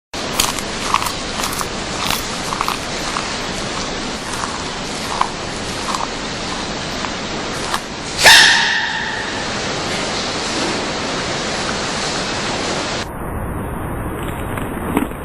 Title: Baby Panda Sneezing